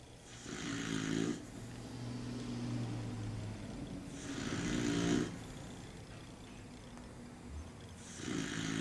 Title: The Snoring Dog